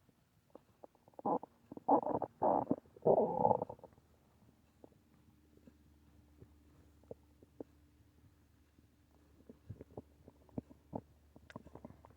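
A loud gurgling stomach growl, then softer pops and clicks; ordinary hunger-type bowel sounds.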